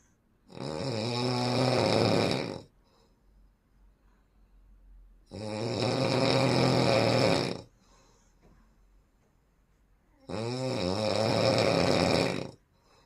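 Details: Very heavy snoring: three long, very loud, buzzing snores at about 12 breaths a minute, with quiet pauses between them.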